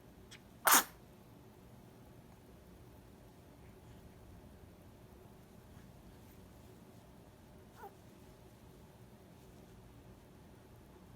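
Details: 1-month-old baby boy gives a single sharp, high little sneeze, then quiet room noise; a normal infant sneeze.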